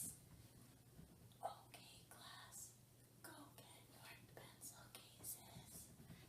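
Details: Acted demonstration of a teacher with a voice disorder of abnormally low loudness: abnormally quiet voice (hypophonia)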